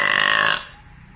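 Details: Man deliberately burping, one of several burpers from different nationalities: a single loud drawn-out burp lasting about half a second, then quiet.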